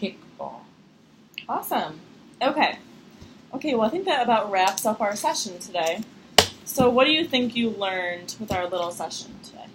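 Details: Adult female clinician; normal speech.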